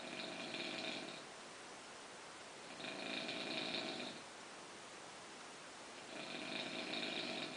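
Regular rasping snores on the in-breath, about three in eight seconds, roughly 24 breaths a minute, with quiet pauses between.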